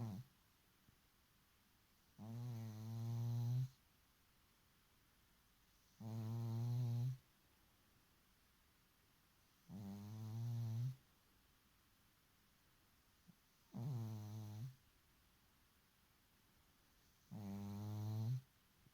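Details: Sleeping cat: regular low, buzzy snores with quiet gaps between, about 17 breaths a minute, in a quiet room; snoring.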